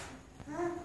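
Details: Boy with hearing loss and various other difficulties who cannot speak, taught with lip-reading and augmentative communication; non-speech vocalization in a child with hearing loss.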